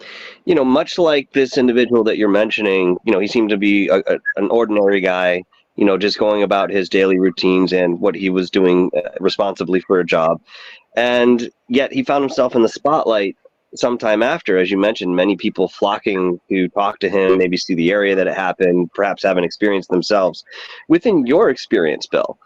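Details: Adult male speaker; normal speech.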